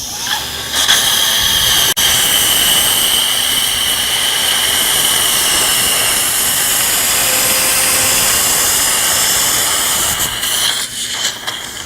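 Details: Loud, continuous high-pitched whine of a dental drill for about ten seconds, drilling implant bone sites in the upper right jaw of a 71-year-old woman with periodontal tooth loss, near fresh extraction sockets.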